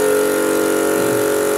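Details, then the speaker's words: Portable suction unit switched on in a National Registry EMT skills demo of bag-valve-mask ventilation of an apneic adult with weak pulse of 60: steady mechanical hum and whine to clear mouth full of secretions. "mouth is full of secretions of promise I'm going to prepare my such a catheter turn on the"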